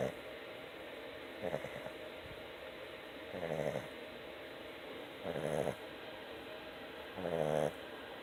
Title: Snoring Boston Terrier